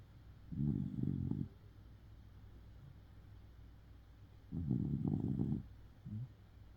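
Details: Sleeping Shiba Inu dog that seems tired: two rough, rumbling snores, each about a second long, with a small snort after the second; snoring.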